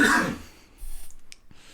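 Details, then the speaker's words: A single harsh cough burst from an adult man who reports a pretty bad, persistent cough, then quiet room noise with faint clicks. "but damn, as you can hear, I've got a pretty bad cough. That whiskey will do you good."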